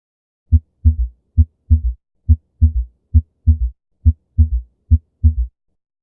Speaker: so I was pretty much a whirlwind of five pretty common murmurs and some extra harp sounds